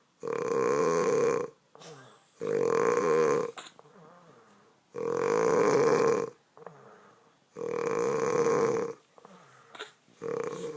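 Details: Adult mother heavily snoring: loud, buzzy, rough snores on each inspiration, about 25 a minute, with quieter expiration between them.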